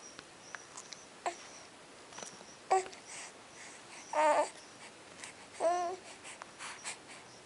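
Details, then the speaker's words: Two-month-one-week-old baby boy sneezing: several short, sharp sneeze bursts over quiet room noise. "oh what's that another sneeze go night you're Sneezy huh"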